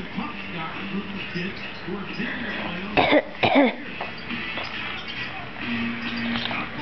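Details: Two short, forced fake cough bursts from a person copying a cough, not from illness, over background talk and music.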